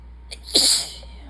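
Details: Tired, sick person: a single sharp sneeze with a brief intake of breath before it.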